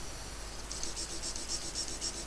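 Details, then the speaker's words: Microdebrider running during endoscopic frontal sinusotomy, trimming free edges of cells in the frontal recess after posterior ethmoidectomy: a high, pulsing whir starting partway through, pulsing about four times a second. "Now you can use a microdebrider carefully within the frontal recess."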